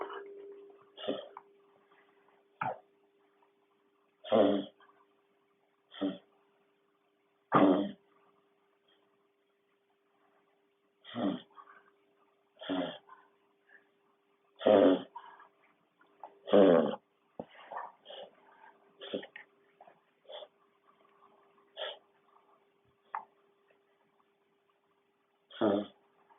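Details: Dog having a reverse sneezing episode, which occurs about once every six months: repeated short, harsh snorting inhalations in irregular bursts.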